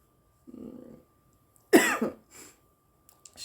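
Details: An adult woman smoking marijuana gives a soft exhale, then a harsh cough with a smaller follow-up cough, brief coughing after inhaling smoke.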